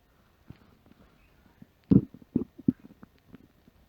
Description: Home after work, empty stomach after a light lunch. My stomach let out some big growls.